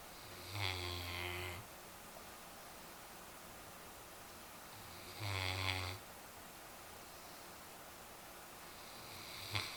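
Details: Snoring in a female Newfoundland dog sleeping in an odd position after a long weekend of yard work: deep, rattling inspiratory snores about every four to five seconds.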